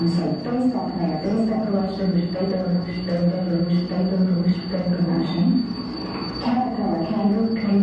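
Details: Recorded patient with Wernicke's aphasia producing fluent but meaningless speech, played in a lecture on nervous system disorders; Wernicke's aphasia.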